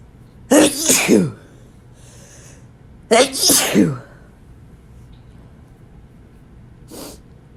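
Two wet, forceful sneezes, each with a hitching inward breath before the burst, then a faint sniff at the end.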